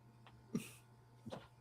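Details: Young boy gives two short, harsh cough bursts about a second apart, in a quiet room with a low steady hum, during repeated coughing; cough.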